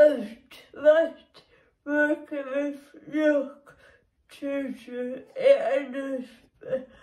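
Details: Dysarthric speech in a woman with cerebral palsy, which makes her muscles and movements difficult; the speech disorder itself is not named.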